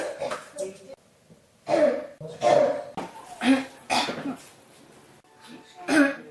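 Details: Persistent cough that won't stop: about five harsh, voiced cough bursts in close succession with brief pauses between them.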